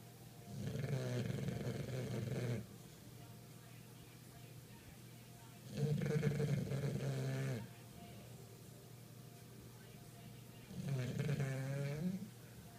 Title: Snoring Bulldogs